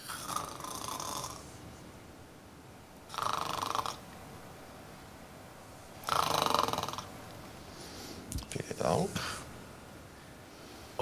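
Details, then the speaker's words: Woman who has snored for years, examined by an ENT doctor, imitates her snoring while awake: three rattling, fluttering snore sounds, then brief vocal sounds in a quiet room; simulated snoring. "die Patientin schnarcht seit Jahren könnte sie euch einmal das schnarchgrüch vormachen"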